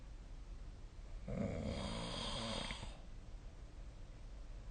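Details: A single rough, rattling snore on inhalation over steady room hiss during sleep; snoring.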